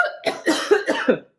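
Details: Run of about five harsh, dry coughs in quick succession from a young woman during a spicy-food eating challenge with very hot powder; irritant cough triggered by spicy food.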